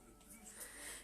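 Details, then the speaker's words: A small pet dog snoring indoors during a live stream, later seen with eyes open: a faint, rough, breathy noise swelling over about a second in a quiet room; snoring. "Ah bah super! J'ai mon chien qui ronfle. Vous voyez, ça, c'est les aléas du live. Vous entendez mon chien?"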